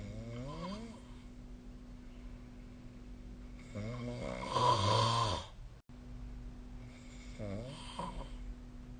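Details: Snoring during sleep: rough, buzzing snores on the in-breaths, one louder and harsher, over steady room hum.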